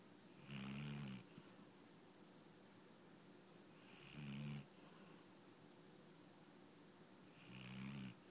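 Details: Yellow Labrador dog sleeping, snoring in slow, regular rumbles at about 17 per minute; ordinary sleep snoring.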